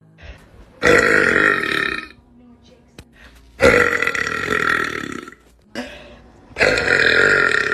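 Three long, loud, rumbling belches with short pauses between them; deliberate burping.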